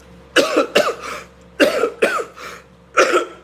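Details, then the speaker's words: Five forceful coughs in short bursts from an adult, described as finally making progress: a productive cough that brings some mucus up. "time hey that was great did you hear that my cough finally had some progress you got to keep going I almost gave up on that cough right there but I kept going and some of it came up"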